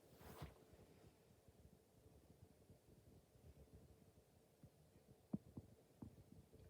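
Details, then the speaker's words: Bowel sounds auscultated over the right upper quadrant during a head-to-toe exam, listening in each quadrant: faint low rumbling with a few brief gurgles, judged normal and present in each quadrant; normal bowel sounds. "left upper then left over okay that was sounds more normal and present in each quadrant"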